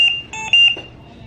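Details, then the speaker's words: A run of high-pitched electronic beeps: a Trilogy home ventilator low inspiratory pressure alarm, usually meaning a disconnected breathing circuit, triggered during caregiver training before checking hoses and pressing reset. "Low inspirator pressure. Which means usually a circuit disconnect, right?"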